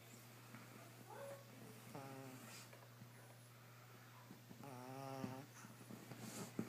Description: Puppy pug snoring